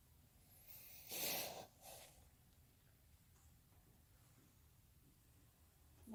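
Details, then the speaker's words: Normal breath sounds on chest auscultation during a student nurse's respiratory assessment, patient taking deep breaths, left and right sides and back; lung fields clear with no crackles or wheezes, no breathing difficulty. "two okay and then all the lung fields that I auscultated were nice and clear there was no crackles or wheezes okay"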